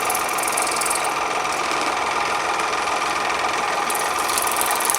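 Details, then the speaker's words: WaterPik dental water flosser in use over a sink: loud, steady buzzing motor with a rapid pulsing rattle as the pump drives a high-pressure water jet. "you do it over the sink so the water coming out I don't know if you can see it but the water is coming out of this thing really pressure"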